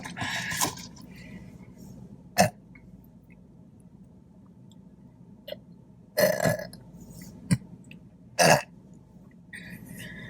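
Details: Mukbang eating show after chicken fingers, fries, toast and Diet Coke: several loud, short belches separated by quiet pauses with faint room noise; repeated burping.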